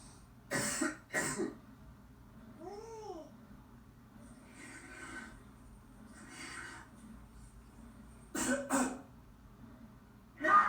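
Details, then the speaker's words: Coughing in the track 'Coughs & Sneezes': four short, harsh cough bursts in two pairs, with breathy sounds and a brief vocal sound between, followed by the spoken line 'Remember, coughs and sneezes spread diseases.' "Remember, coughs and sneezes spread diseases."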